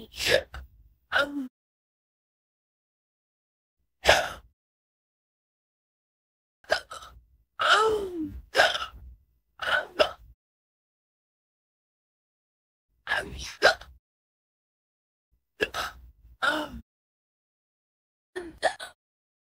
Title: #53 Pan Gets Hiccups While Playing With You (AI)